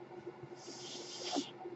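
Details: Speaker's own mechanical ventilator heard during a podcast recording: a soft, airy hiss swells and fades over about a second against quiet room noise, one delivered breath.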